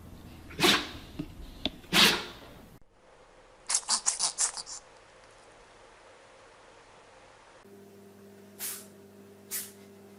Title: Funny Cats & Dogs Sneezing Compilation